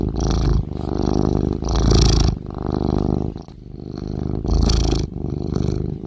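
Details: Loud, deep, rattling snores with a rough purring buzz on each breath from a sleeping cat; cat snoring.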